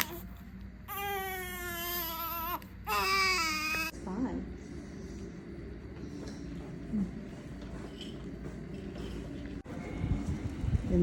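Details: Two-day-old full-term baby girl, born by unmedicated birth, placed in a car seat for the first time on leaving hospital. Two short, high-pitched cries early, then quiet rustling; ordinary newborn cry.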